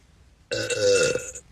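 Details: Woman drinking Coke in a burping attempt gives one loud, drawn-out belch of about a second with a rough, buzzing tone; a plain burp.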